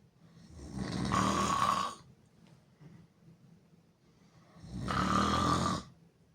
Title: Me snoring loud and hard with mouth opened